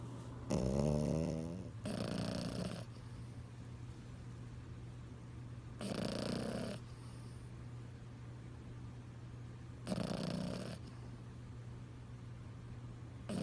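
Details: Snoring: rhythmic rattling snores on each breath, roughly every four seconds, over a steady low hum.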